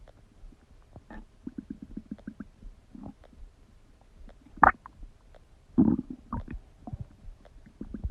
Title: Stomach Digesting Sound | My Stomach Makes Noises